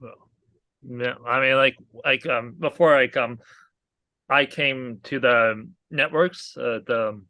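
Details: Aphasia in an adult man, a real stroke survivor, caused by a hemorrhagic stroke from an arteriovenous malformation at age 20.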